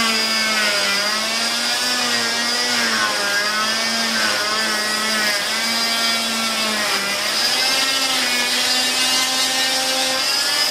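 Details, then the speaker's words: Oscillating cast saw with suction cutting a fiberglass total contact cast on the leg, starting lateral and anterior for clamshell cuts: loud, high whining motor, pitch dipping as the blade bites through the thin fiberglass layer. "So with our suction on, and with our cast on, basically you find a point lateral and anterior, and you start your process, and it's gentle. Let the blade do the work. And you don't need to push hard."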